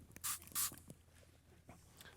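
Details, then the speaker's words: Two short hissing pumps of a grapefruit seed extract, zinc and menthol throat spray into a semi-feverish adult speaker's throat, then faint mouth sounds in a quiet room. "let me just keep kind of spray up my throat here a little bit"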